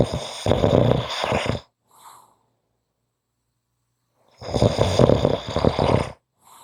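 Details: Short snoring recording: two loud, rattling snores on breathing in, each followed by a soft breath out and a pause.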